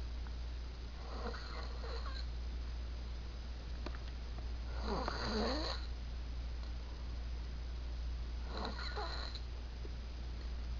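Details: Adult man snoring loudly in deep sleep at 3 a.m., not woken when disturbed: loud fluttering inspiratory snores, about three in ten seconds, over a steady low hum; snoring.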